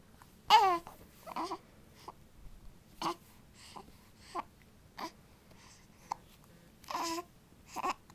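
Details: Infant hiccups: small, abrupt voiced catches recurring about every second, with faint infant fussing in a quiet room.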